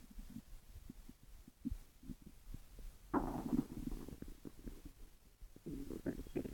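Irregular low gurgles and rumbling bubbling sounds, swelling midway; ordinary stomach growling from gas and fluid moving through the gut.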